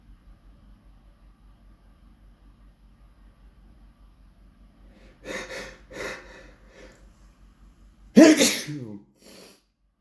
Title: couple of loud sneezes cause I felt like it